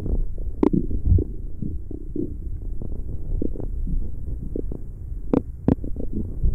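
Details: ASMR stomach growling: bubbling gurgles and soft pops with a few sharper clicks over a low hum; borborygmi.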